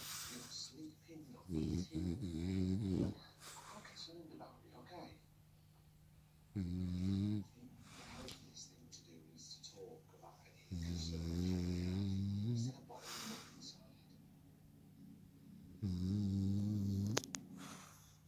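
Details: French Bulldog asleep on owner's lap, dreaming with eyes open: loud rattling snores with a whiny, vocal edge, about four over eighteen seconds, between softer breaths and small dreaming noises; snoring.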